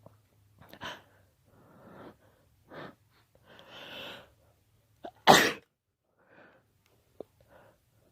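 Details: Allergy sneezes collected over one day (birthday), recorded whenever the urge came: soft breaths and wind-up in-breaths lead to one sharp, loud allergic sneeze, then quiet breathing in a small room.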